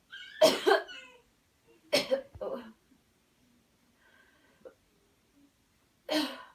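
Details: Cleansing-healing coughing technique demo: after guided counted breathing, with pressing on the body, a deep breath in then a few strong deliberate coughs, quiet, another cough; voluntary airway-clearance cough.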